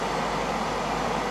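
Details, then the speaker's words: An adult with obstructive sleep apnea lies in bed wearing a CPAP mask; the respirator has just been switched on, giving a steady, even hiss of airflow and easier breathing. CPAP machine airflow. "its thing here for a little ego that's come down oh that's much better yeah I can breathe"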